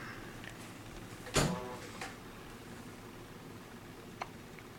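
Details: One sharp, abrupt hiccup followed by two fainter ones in a quiet hospital room from a newborn boy about 12 hours old, recorded around 3:30 a.m., who also hiccuped often before birth; infant hiccups.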